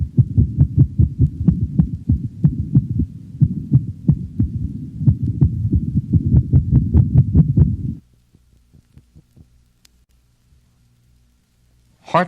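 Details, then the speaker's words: Dog, likely standing, auscultated during cardiac examination: sudden rapid burst of heartbeats of similar intensity, duration and frequency abolishing the normal slower rhythm, giving way to slower, fainter beats; paroxysmal ventricular tachycardia interspersed with slower normal rhythm. "a sudden rapid burst of heartbeats of similar intensity duration and frequency is heard the normal slower rhythm is abolished during the burst of rapid heart sounds the next sound demonstrates paroxysmal ventricular tachycardia interspersed with a slower normal rhythm"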